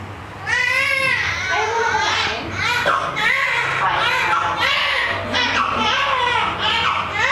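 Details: Newborn in hospital just after birth, cord reportedly wrapped around the baby with darkish face: loud, sustained, rising-and-falling wails in repeated bouts with quick breaths, background voices; vigorous newborn cry.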